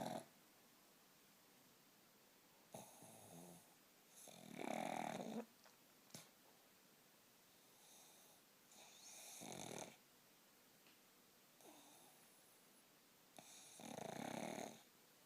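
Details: Pug dog snoring while napping after a very long walk: repeated rough, rattling snores with breathing, about five in fifteen seconds, in a quiet room.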